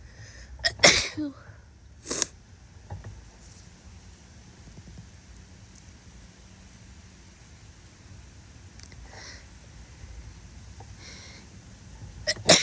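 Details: Female sneezing while sick: three sharp, explosive snotty sneezes, two close together early and one at the end, quiet room noise and faint sniffling between.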